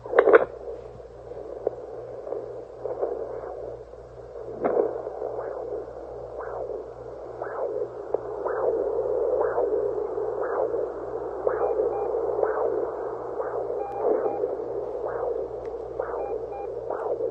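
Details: Fetal heartbeat heard at home with a Doppler using coconut oil instead of gel: rhythmic whooshing pulses through steady static.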